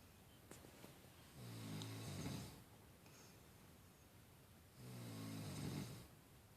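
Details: Two low, rattling snores on the in-breath, about 18 breaths a minute, with quiet breathing between them. Ordinary snoring.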